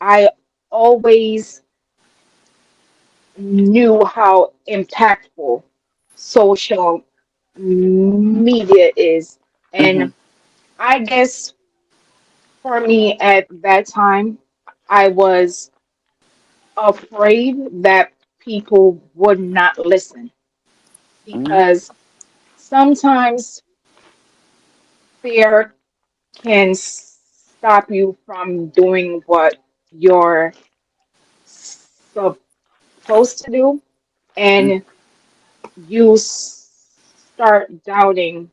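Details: Adult woman with a self-described speech impediment, which she calls her disability; real, not acted: speech impediment.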